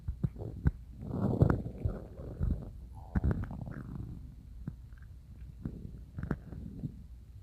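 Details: Loud stomach growling that woke the person from sleep: low gurgling rumbles and bubbling pops from the belly, gas and fluid moving through the gut; borborygmi.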